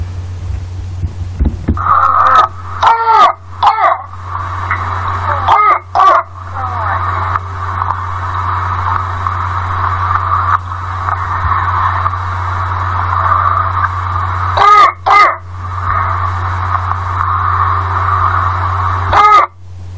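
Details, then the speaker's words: An 18-month-old toddler with 2 days of cough and coryza and a 38.4 °C temperature gives repeated harsh, brassy barking coughs over a low hum; a teaching exam sample, diagnosed as croup. "the media shows a classical barking kind of cough so lip to the history and low-grade temperature what is the most likely diagnosis the diagnosis is croup"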